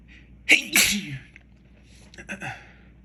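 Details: Person sneezing after dropping a container of white pepper while cooking: two sharp sneezes in quick succession with voiced gasps, then a softer sneeze; repeated sneezing from pepper exposure.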